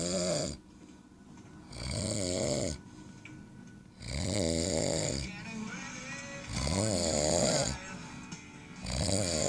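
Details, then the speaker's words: Father sleeping and snoring: loud, rhythmic snores recurring about 25 times a minute, with a television playing faintly in the background. "Mas o meu pai tá roncando, vocês estão ouvindo?"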